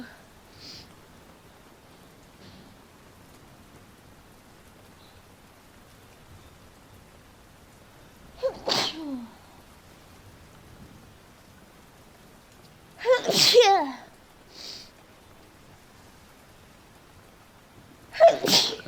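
Three sharp sneezes spaced several seconds apart over quiet background.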